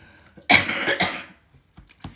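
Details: Adult woman with essential tremor talking during a live video: a single harsh cough burst breaks into quiet room sound; a plain adult cough.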